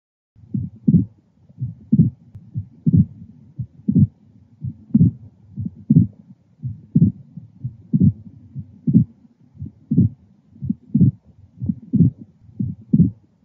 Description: A man with constrictive pericarditis had a high-pitched early diastolic sound on auscultation at the left lower sternal border, characteristic of a prominent ‘pericardial knock.'